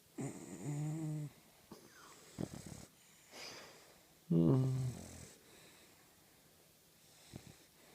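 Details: Snoring while snoozing: low, rumbling snores with some whistling on the breaths, in a quiet room.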